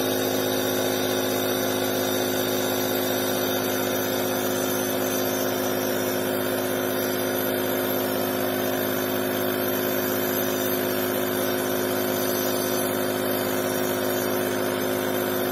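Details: Omron InalaPop NE-C704 compressor nebulizer, a household device for inhalation treatment, used by a family with respiratory problems. A steady, even mechanical hum with a rapid rhythmic buzz throughout: the compressor nebulizer running normally.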